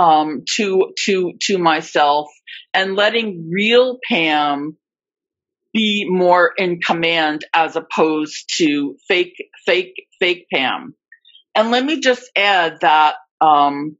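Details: Adult female who reports being a covert stutterer for more than 30-35 years; stuttering with repetitions of words and parts of words.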